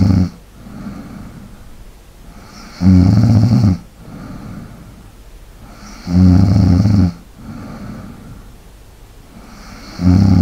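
Deep, steady rumbling snores with softer breaths between, roughly 18 breaths a minute; regular sleep snoring.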